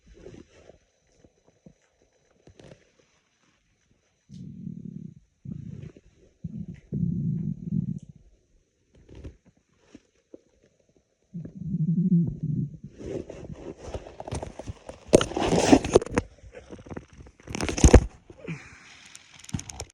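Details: Very sparse, raspy stomach growls: low gurgles and rumbles in short runs, with louder rustling noise near the end. Ordinary bowel sounds (borborygmi).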